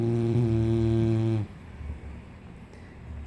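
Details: A single loud, buzzing snore lasting over a second, then quiet breathing, from an English Bulldog faking sleep with eyes seen open to avoid a walk.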